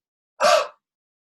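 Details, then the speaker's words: A single short, breathy open-mouthed medium huff after a deep breath in through the nose, demonstrated by a respiratory physiotherapist to move airway secretions; may provoke coughing: huff (forced expiration technique). "so if you put your hand up in front of your mouth and you'll imagine it's something between a cough and making a little steam on a mirror you will hear this sound"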